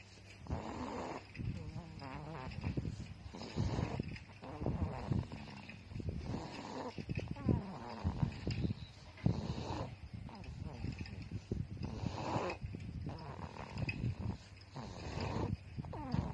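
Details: Snoring: continuous rough, fluttering breath noise with loud rattling snores on many breaths.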